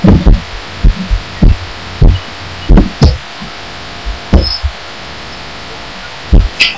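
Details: Own heartbeat picked up through a pillow while lying down, audio amplified; muffled thumps somewhat uneven in spacing over background hiss; person wonders if it could be arrhythmia, says it gets odd toward the end.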